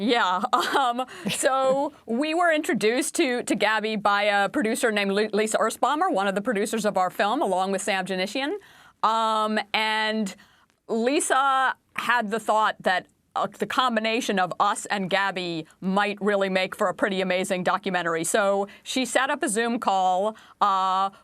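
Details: Adult woman speaking; Normal speech.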